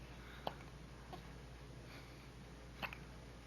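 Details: Four-day-old newborn girl just home from hospital: two or three brief, sharp catch-like sounds in a quiet room; newborn hiccups.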